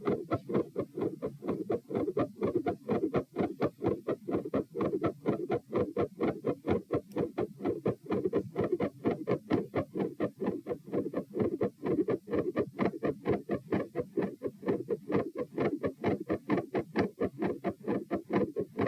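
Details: Tachycardia with split heart sounds, a midsystolic click and a faint murmur near S1; fast, regular, squeaky sounds recorded at position p with the patient standing, on a phone with some volume lost.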